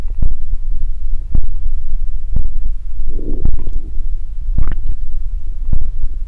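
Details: Close-up body ASMR recording of low gurgling and thudding abdominal noises with a brief bubbly rumble; ordinary stomach growling, harmless bowel sounds (borborygmi).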